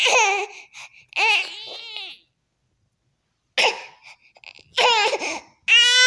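Loud, high, strained wailing bursts with pauses between them: an angry infant cry.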